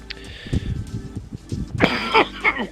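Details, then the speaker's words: Outdoors over faint background music, an adult gives a few short harsh bursts, a louder rough one near the end, and says the coughing is making his voice go; cough. "En train de tousser, du coup ma voix elle part en couille."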